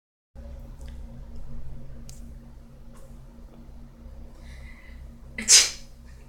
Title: 5.1The person is sneezing